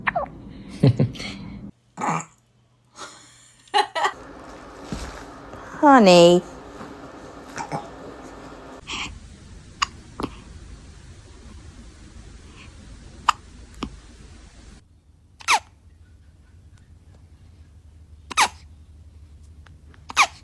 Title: Baby hiccups #funny #fpy #baby